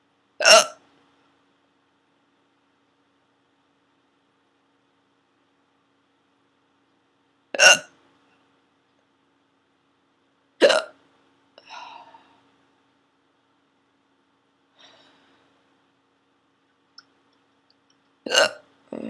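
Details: Four abrupt, sharp hiccups at irregular intervals of several seconds in a quiet room, still continuing when the recording stops.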